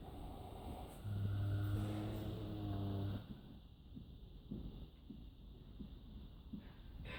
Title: Incredible snoring Friesian horse!!